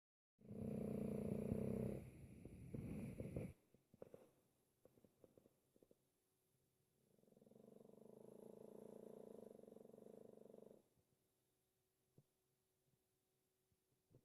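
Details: Small dog asleep: two rumbling, fluttering snores, the first loud and the second softer, separated by small clicks and snuffles; snoring.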